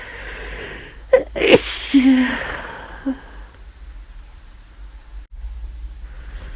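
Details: Adult with flu, constant itchy nose and aching from frequent sneezing: a quick run of sharp sneezes with gasping breaths and small voiced catches between them, in a quiet room.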